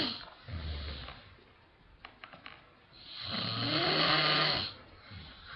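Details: Father snoring: a low rumbling snore, then a louder, harsh, rasping snore with a hissy edge; ordinary snoring.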